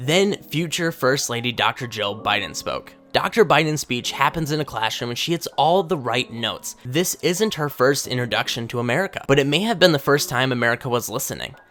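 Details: Adult male narrator; normal speech.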